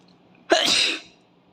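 A single sharp, hissing sneeze burst in a quiet room from a child; an ordinary sneeze.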